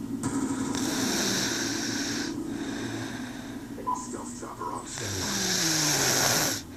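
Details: Sleeping jaguar (panther) snoring as it begins waking up: deep, rumbling snoring breaths with a faint hiss and room noise in the background.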